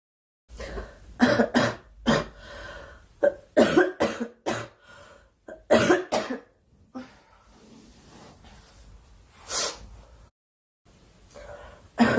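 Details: A young woman coughing persistently during a Korean livestream, saying she has a cough and wishing it would stop: repeated bouts of short, harsh coughs, about a dozen bursts with brief pauses, plus some throat clearing.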